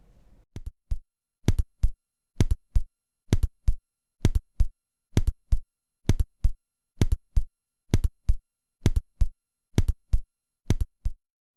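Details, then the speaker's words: Simulated heart sounds at the apex, about 65 a minute, comparing normal, split and doubled first heart sound: split versus doubled first heart sound. "Сравните звучание нормы первый второй тон на верхушке и расщепление первого тона на верхушке и сразу же раздвоение первого тона на верхушке"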